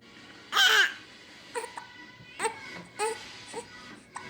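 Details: One-month-old infant with hiccups: one brief cry followed by several short, sharp hiccup catches of breath in a quiet room.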